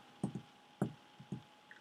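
Tapped imitation of heart sounds in a three-beat gallop pattern: first sound, second sound, then an early third sound.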